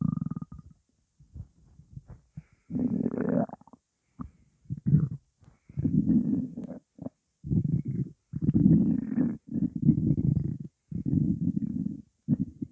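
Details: Repeated low gurgling, growling stomach rumbles in bursts with short gaps, recorded over 12 minutes of hunger with only water in the stomach; normal hunger borborygmi.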